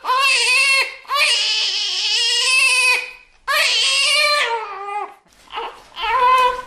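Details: Newborn crying, from a sound-effect recording: high-pitched wailing cries in about four long bursts separated by quick gasping breaths, in a small quiet room.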